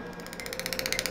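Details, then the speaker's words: Rapid, regular crackling ticks over a steady hum as a Fotona erbium dental laser pulses to activate rinsing fluid in a clear block model of molar root canals; dental laser operating. "so what I'm going to demonstrate is how the erbium laser works to actually clean out teeth"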